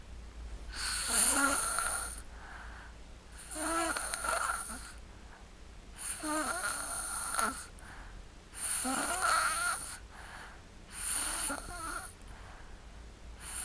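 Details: Sleeping and snoring: repeated rough, fluttering snores with each breath, about five in fourteen seconds, separated by quieter exhalations; ordinary snoring.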